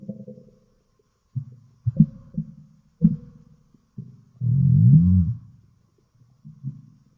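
Low gurgling rumbles and squeaks in short bursts with one longer growl, typical stomach growling (borborygmi) from gas and fluid moving through the gut.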